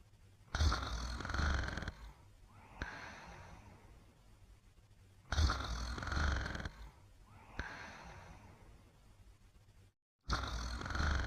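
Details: Sleeping dog snoring: loud, rough snores on each in-breath with quieter whistling out-breaths, about 13 breaths a minute.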